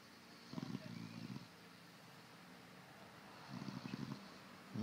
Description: Do I snore ?